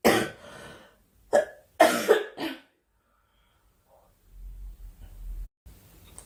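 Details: A girl, who says she is sick and wants the coughing to stop, gives a run of several sharp, harsh coughs close together, then quiet breathing with faint room noise; repeated cough.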